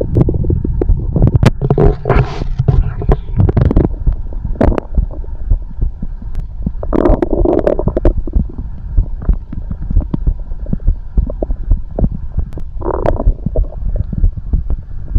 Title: the sound of a heartbeat and stomach growling